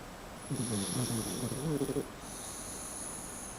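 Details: Miniature schnauzer dog in deep sleep: a single rattling, fluttering snore about 1.5 seconds long over a steady high-pitched background hum; snoring.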